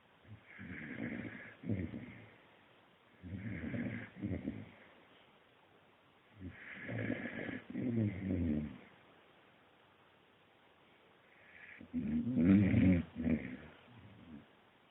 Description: Our Akita Hachi snoring after a hard day of tail chasing